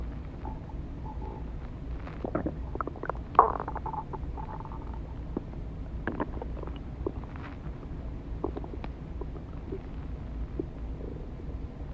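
Low gurgles and bubbling rumbles come and go over a steady background hum; ordinary stomach growling from gas and fluid moving through the gut.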